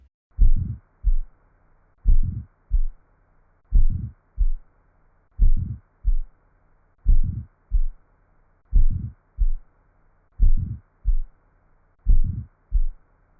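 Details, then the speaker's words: Aortic stenosis murmur in a teaching demonstration: slow, regular heartbeat with a crescendo-decrescendo ejection systolic murmur after the first sound, caused by abnormal narrowing of the aortic valve. "murmur is produced by the abnormal narrowing of the aortic valve"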